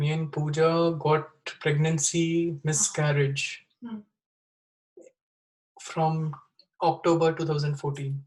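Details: Wernicke's (fluent) aphasia in a 36-year-old man after a stroke with bleeding in the left side of the brain, dated April 2019 (also given as April 2020), about 1.5 years earlier.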